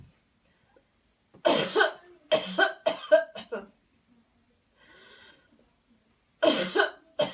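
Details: Coached cleansing coughing technique demo after paced breathing counts and a deep breath in: a quick run of about seven forceful voluntary coughs, short pause, then two more coughs; deliberate airway clearance.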